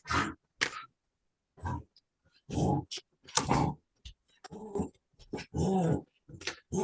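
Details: Reverse sneeze.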